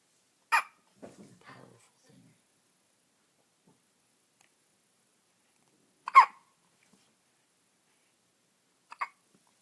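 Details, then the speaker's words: 4-day-old baby boy's first hiccups, at 7:30 am: three brief, abrupt hiccup sounds spaced several seconds apart, with soft baby noises between them. "Almost gone. That's right. That's right. Oy. Baby hiccups."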